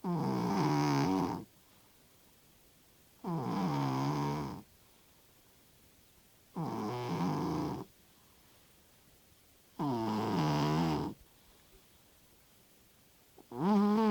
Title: Cat Snoring Like an Express Train